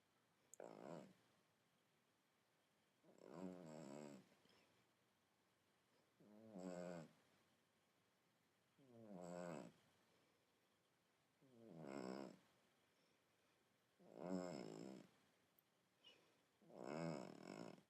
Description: This is my 15 year old Calico cat snoring